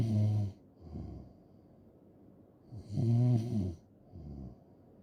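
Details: Loud, low rattling snoring on inhalation with quieter breaths out, about two cycles in five seconds.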